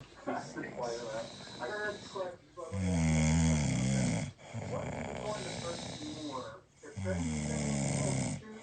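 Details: Adult man snoring loudly in sleep, described by an onlooker as 'singing': rattling, musical, almost humming tone on each breath, about 14 breaths a minute.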